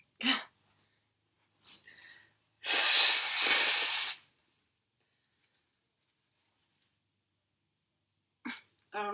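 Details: Girl with a burning sensation and crying eyes, near the end of a sneezing fit with stifled sneezes and nose blowing: a single loud, forceful sneeze burst in a quiet room, with brief breaths around it.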